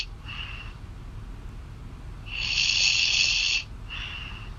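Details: Girlfriend snoring loudly during sleep, heard over a phone call: harsh, hissing snoring breaths, one long loud inhalation between softer ones.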